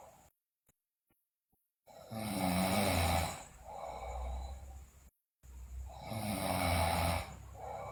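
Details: Sleeping girl snoring loudly, in a recording also described as including bruxism and delirious talk: loud rattling snores with each breath in, about two slow cycles over several seconds, in a quiet room.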